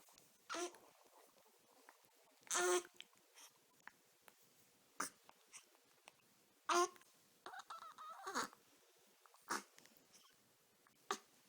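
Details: Dog with hiccups: brief, sharp hiccup sounds every few seconds, with soft snuffling between them.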